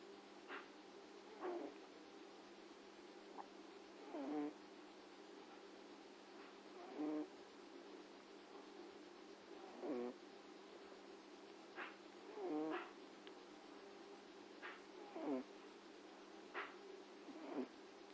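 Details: Cat snoring while asleep, with soft, squeaky whistling breaths about 22 times a minute over a steady hum.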